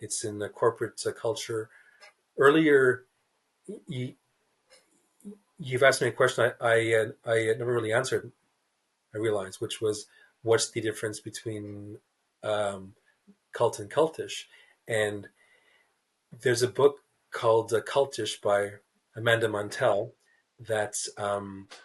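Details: Adult male writer who describes himself as a person who stutters, speaking in a podcast interview; stuttering.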